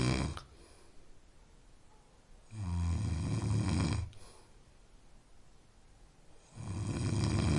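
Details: Loud, low rattling snores with each breath, about 15 a minute, quiet pauses between; steady sleep snoring, offered as a sleep-aid sound.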